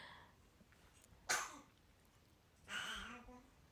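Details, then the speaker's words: Baby who is sick, coughing in a quiet room: two short, sharp bursts, the second longer with a voiced tail. "Yeah, my baby is sick, too. You can hear her coughing."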